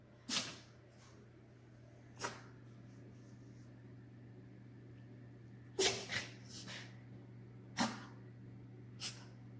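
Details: A female dog gives irregular runs of short, sharp snorting bursts, which a veterinarian confirmed as reverse sneezing.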